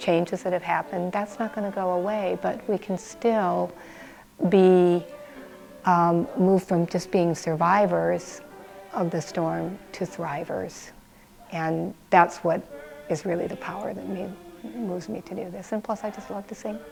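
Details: Adult woman speaking; normal speech.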